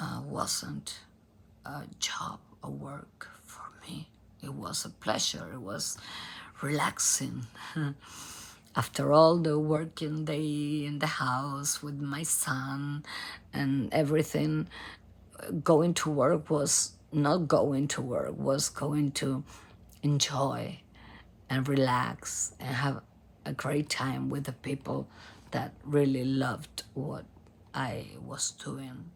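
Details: Adult female singer diagnosed at Cleveland Clinic by nasal endoscopy with abductor spasmodic dysphonia, in which spasms of the vocal cord muscles open the cords; onset 2015, worsening; repeated Botox injections.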